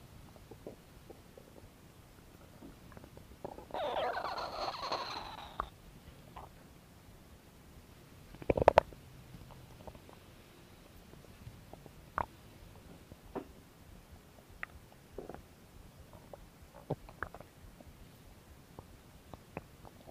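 A longer low growl, then scattered soft gurgles and clicks over faint hiss; ordinary stomach growling.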